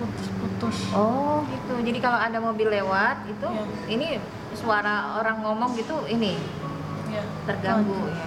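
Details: Adult woman speaking Indonesian; ordinary speech.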